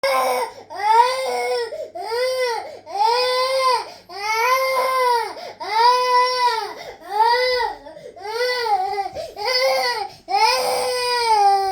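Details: Crying baby: repeated loud, rhythmic wailing bursts, roughly 40 a minute, with brief breaths between; ordinary infant crying.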